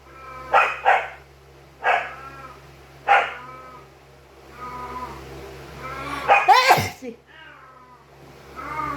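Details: A dog gives several short yips and barks, then one loud, sharp, explosive burst: a sneeze.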